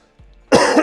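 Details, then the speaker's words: Adult man, still sick with a throat-tickle cough the whole family has had, gives one sudden harsh cough burst against quiet room noise: cough. "God this cough is going to it's going to get me for a week"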